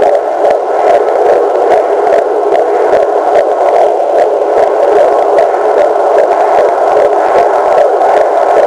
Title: Baby Heartbeat